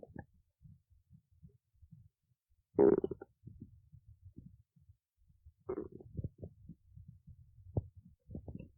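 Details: Stomach growling: low gurgling rumbles and bubbling squeaks that come and go, with two louder gurgling bursts; borborygmi.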